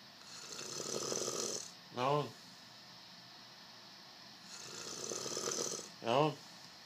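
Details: Two slow breath cycles, each a soft hissing inhale ending in a short rattling snort, about 9 breaths a minute; snoring.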